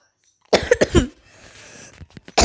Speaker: Sorry if you hear me coughing. I'm a little sick. Well, not sick, but like I cough, so yeah.